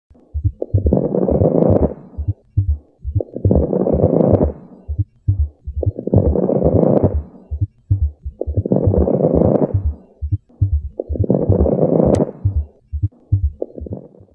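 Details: Heart and lung sounds in acute decompensated heart failure: heavy, noisy breaths about 22 a minute over low heartbeat thumps.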